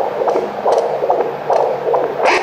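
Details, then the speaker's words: Adult man's heartbeat heard with a home handheld Doppler (Hi Bebe) pressed on his chest; the device displays 82: rhythmic whooshing pulses over a hissy background. "出るのね兄の心臓の音だ82オうるさい笑笑私の心がない優れ？胸が厚いから、より押してなきゃ"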